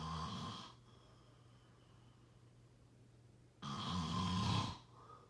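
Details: Snoring during sleep: two loud, low, rattling snores separated by a quiet pause.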